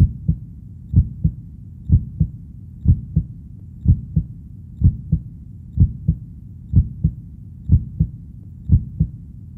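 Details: Steady, regular lub-dub heartbeat at about 62 beats a minute with no added sounds; a normal heartbeat.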